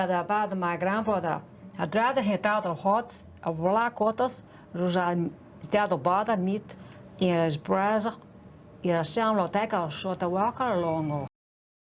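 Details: Foreign accent syndrome in a woman, shown in a news clip, developed after brain damage (traumatic brain injury or stroke) and making a native speaker sound foreign; speech becomes hard to understand after the first sentence; finding: foreign accent syndrome.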